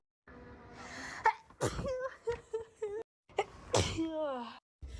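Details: Natural sneezing compilation: two sharp explosive sneezes, each with a quick intake of breath before the burst, followed by brief voiced sounds; ordinary sneezing.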